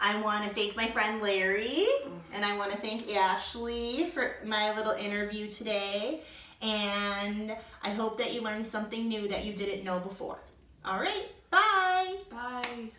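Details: Adult woman speaking; ordinary speech.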